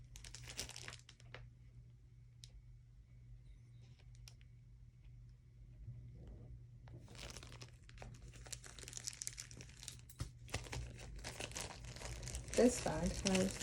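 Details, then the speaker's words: Ileostomy bag change by a woman with an ileostomy: plastic crinkling and snipping in a quiet room as the pouch opening is cut to an oval of about 1 by 7/8 inch using a template. "There is a template on here and I just try to cut it about the same every time and try not to cut a hole through my back."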